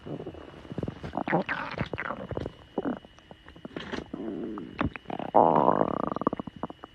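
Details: Girl's stomach growling: bursts of gurgling and squeaky growls ending in a long creaking rumble; ordinary bowel sounds (borborygmi).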